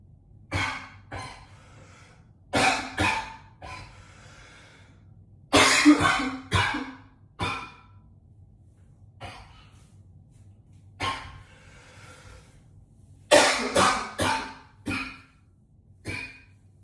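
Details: Heavy, forceful adult coughing in clustered bouts with breaths between, echoing in a bathroom; a harsh, repeated cough.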